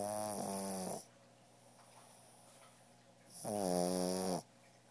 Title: Pug snoring